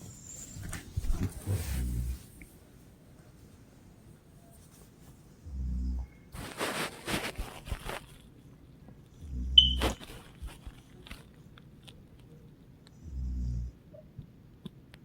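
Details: A mother snoring while asleep: loud, rattling snores on each in-breath about every four seconds, with quiet pauses between, snoring.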